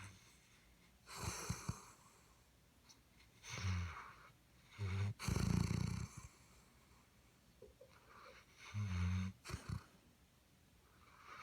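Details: Snoring: low, rough rattling bursts recurring irregularly with each in-breath, about five snores in eleven seconds, with room noise between.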